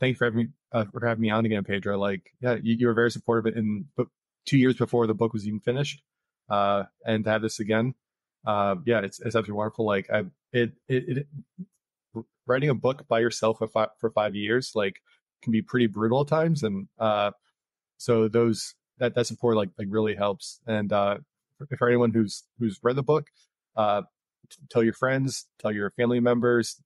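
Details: Adult man who stutters, an author of a book on stuttering, speaking in a podcast interview about his personal experience; stuttering.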